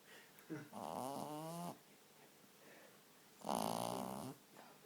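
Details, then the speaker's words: Sleeping pug puppy snoring with its tongue out: two buzzing, fluttering, slightly whistling snores separated by a quiet pause. "You're snoring, mate. Shall I put your tongue away? You can't be snoring, are you?"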